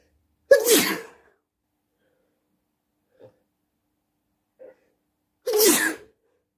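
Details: Two loud, explosive sneezes several seconds apart at night, with faint sniffs between: ordinary sneezing.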